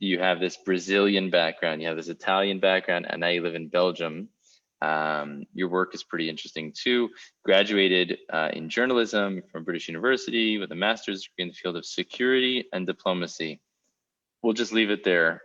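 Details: Adult man speaking; typical speech.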